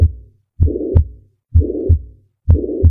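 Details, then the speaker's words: Mitral regurgitation murmur, from valvular pathology after myocardial infarction in acute decompensated heart failure: a hollow systolic murmur filling the space between the first and second heart sounds, heard best at the apex. "for mitral regurgitation a hollow systolic murmur heard best at the Apex"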